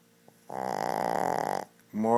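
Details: Shih Tzu dog snoring very loudly: one loud, fluttering, buzzing snore on a breath in, about a second long.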